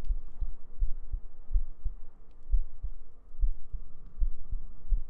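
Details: ASMR sleep-aid girlfriend cuddle role-play with heartbeats, gentle breathing and humming: soft, regular low heartbeat thumps over a muffled background.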